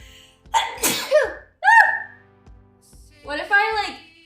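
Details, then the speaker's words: Female streamer sneezing: a sharp inward breath, then a single loud sneeze and a short polite apology, with faint background music and room sounds. "Unending food being ours! Course penguin. Uh-oh, it's a sneeze."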